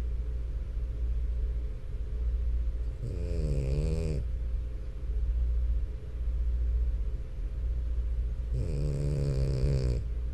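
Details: Sleeping French Bulldog snoring: two long, wavering snorts in ten seconds over a steady low background hum; snoring.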